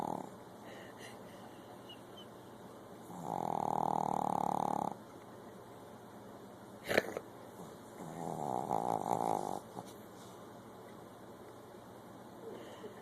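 Two long, buzzing rattles of sleeping breath separated by a quiet pause and a brief snort: snoring in a dog.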